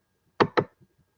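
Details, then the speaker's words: Lecturer imitating lung crackles (rales) by mouth while teaching on acute bronchitis: two short, sharp clicks mimicking the rattling sound heard by stethoscope, not a real patient recording. "Rails are nothing but on examination of this respiratory patient, you will get a rattling sound."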